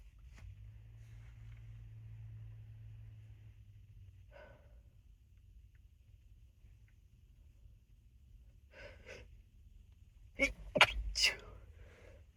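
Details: Person in an unedited session of repeated nose blowing: soft sniffs and breaths, then a quick run of three muffled, held-back sneezes in a quiet room; stifled sneezes.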